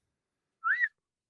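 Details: Single brief rising whistle bursting out of silence from a person with Tourette syndrome; simple vocal tic (whistling).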